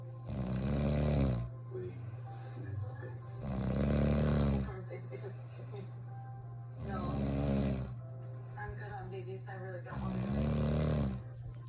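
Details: Adult woman (wife) snoring all night in sleep: loud, harsh, rattling snores about every three seconds, roughly 19 a minute, over a steady low hum; heavy snoring.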